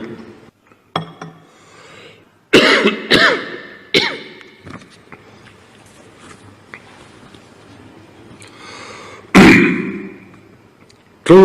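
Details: Coughing attack by the Chinese President during a speech: about five repeated sharp coughs and throat clearing in a reverberant hall, with brief pauses between.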